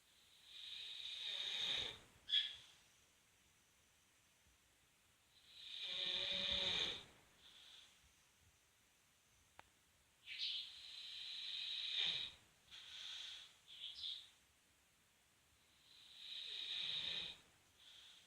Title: Samson (Bullmastiff) snoring